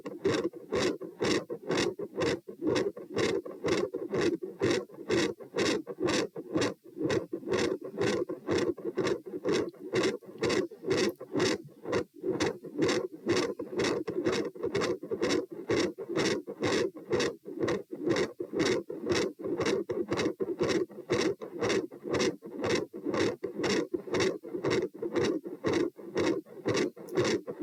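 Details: Auscultation stress test at position P, 90-126-72 bpm across sitting, standing and lying: intermittent machinery-like heart murmur with loud S2.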